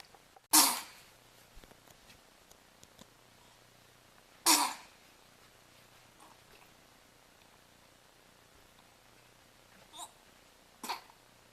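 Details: Infant girl aged 3 months and 4 days sneezing in her playard: two sharp, high sneezes a few seconds apart, then two fainter sneezes, in a quiet room; ordinary infant sneezing.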